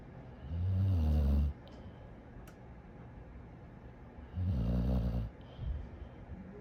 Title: Don’t Like My Snoring? Sleep Outside#shorts#shortclipsvideo#snoringdog